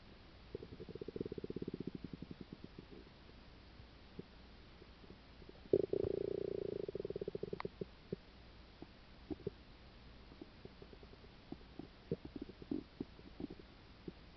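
Quiet rapid gurgles and clicks with two brief louder rumbling bursts, stomach rumbling bowel sounds.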